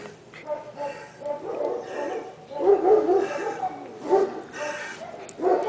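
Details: Dog, Pintitas, with a cardiac cough said to need urgent veterinary consultation: several harsh, hacking cough bursts with soft whimpering between them.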